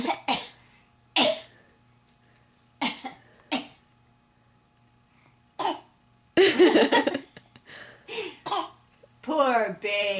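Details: A young child hears grandma coughing and imitates her with about six short, dry, deliberate fake coughs, while adults talk and laugh: imitated cough.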